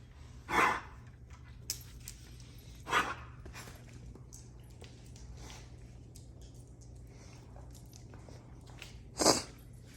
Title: Weimaraner Smoke coughing weird